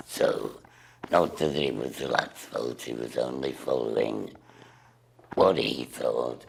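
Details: Woman with total laryngectomy speaking through a voice valve device, which she says usually works only about 10 minutes. Finding: alaryngeal speech after total laryngectomy.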